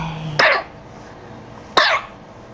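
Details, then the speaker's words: An infant gives two short, sharp coughs about a second apart, with quiet room noise between. "goodness all you're doing is coughing you're not talking you're not talking to me"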